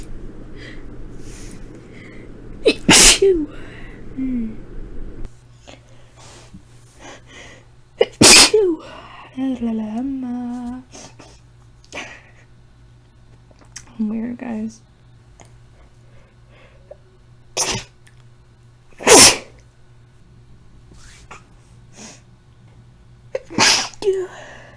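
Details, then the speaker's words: Adult with a tickly nose and a hoarse, scratchy voice from a recent illness deliberately induces sneezing: five sharp, forceful sneezes with brief sighs and voiced breaths between them. "My nose has been tickly, but not enough to the point of like, I can actually sneeze from it, but I'm gonna go ahead and induce some now, so enjoy."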